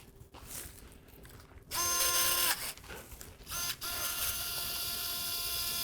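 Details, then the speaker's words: Powered 8.0 mm reamer over-reaming bone for a 7.5 mm expanding CurvaFix implant during percutaneous antegrade anterior column fixation of the right pelvis, heard as a high-pitched motor whine in bursts. "So we'll over ream here to give it some room to do that. We'll ream up to an 8.0 reamer."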